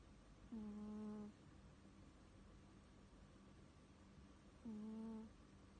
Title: CUTE CAT that SNORES 🤔